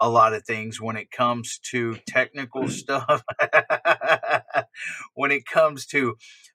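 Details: Adult male speaker; conversational speech.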